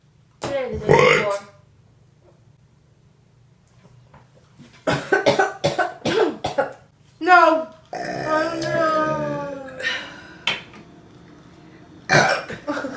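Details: Deliberate burping during a mukbang eating video: several loud burps, including one long drawn-out belch, with short pauses between them in a small room; one described as a little sharp.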